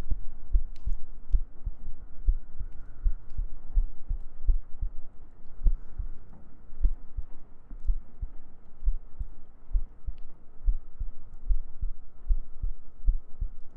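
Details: ASMR sleep-aid girlfriend-cuddle roleplay: soft, steady, regular low heartbeat thumps at roughly 80 a minute, with gentle breathing and a faint hum; a normal heartbeat.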